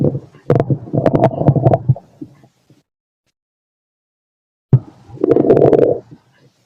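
Two bursts of low gurgling and rumbling from the abdomen, separated by silence; ordinary bowel sounds of stomach growling.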